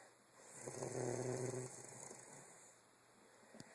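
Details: Sleeper in a bedroom on a weekend; a single low, rattling snore on a breath in, fading into quiet breathing; snoring.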